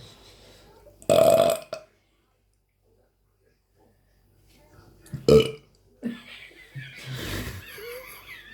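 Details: Burping with a baby present: one loud, abrupt belch, then a quiet pause and soft voices in a small room.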